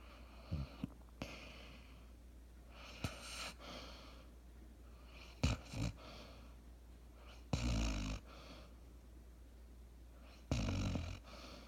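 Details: Basset hound dog snoring: slow, irregular snoring breaths with low rattling snorts and soft breathy exhales between them, in a quiet room.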